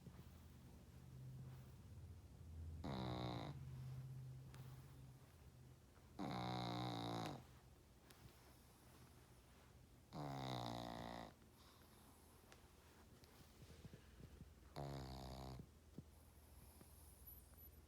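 Four loud, rough, buzzy snores about every four seconds over a quiet low hum, roughly 15 breaths a minute; snoring.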